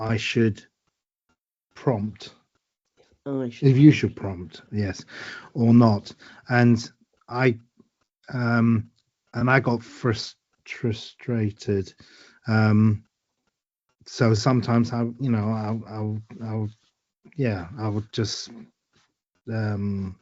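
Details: Adult woman with aphasia following a stroke eight years ago, with word-finding difficulty, repetitions and word substitutions; aphasia.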